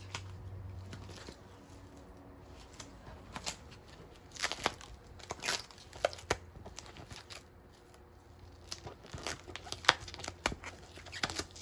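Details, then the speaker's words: Student nurse changing central venous catheter dressing, patient's head turned left, clean gloves: crackling, tearing bursts of tape coming away in stages as the Tegaderm transparent adhesive dressing is peeled off, edges first. "all right so i'll start by taking the tape off of the tubing off working my way around the edges"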